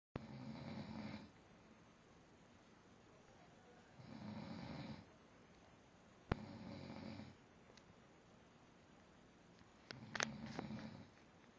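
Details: Snoring: four rough, rattling snores on the in-breath about every three seconds, roughly 20 breaths a minute, in a quiet room.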